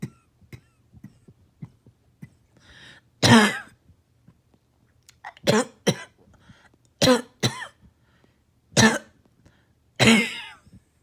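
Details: About seven loud, harsh coughs with a hoarse, barking edge separated by quiet pauses, recorded as night coughing and barking on a rough morning.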